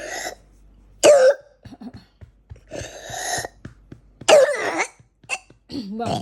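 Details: Young child with a pneumonia flare at midnight, short of breath and taken to the emergency room: repeated harsh, wet-sounding coughs separated by quiet breathing; cough in pneumonia.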